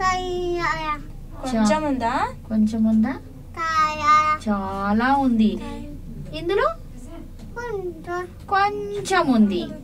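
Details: Speech of a boy with hearing loss after cochlear implant surgery; treatment went well and he can now hear and respond better. Finding: speech of a child with hearing loss after cochlear implantation.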